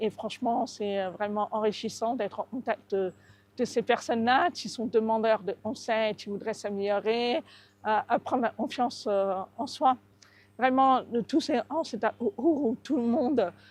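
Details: Adult French-speaking woman deaf from birth with severe deafness caused by cytomegalovirus, using a cochlear implant since age 8, describing her own slight deaf accent; deaf speech from congenital severe hearing loss.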